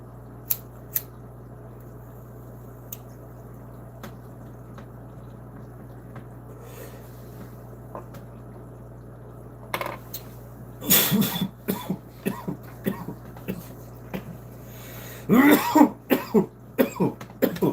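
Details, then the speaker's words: Coughing harshly in loud bursts after taking a toke of cannabis smoke; a quiet stretch with faint bubbling comes first. "I'm gonna go silent for a second. I'm gonna take a toke, and then you'll hear me cough my ass off."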